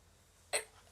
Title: Morning routine Part 2 (sorry about hiccups)